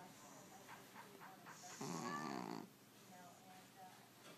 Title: Švrćo hrče (the snoring cat)